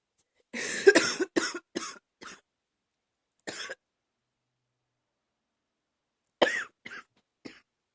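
A run of short, husky coughs, a lone cough, then a few more: a mild chesty cough.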